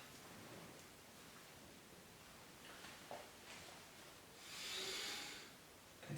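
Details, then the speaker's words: Stethoscope lung auscultation during deep inhalation and exhalation in a nursing-student demonstration: normal vesicular breath sounds, full breath sounds heard at every point. "aquí podemos presentar dos opciones uno en donde es el murmullo total como normalmente lo debemos de presentar"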